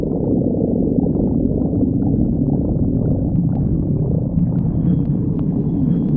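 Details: Continuous low rumbling and gurgling from a person's belly: stomach growling (borborygmi).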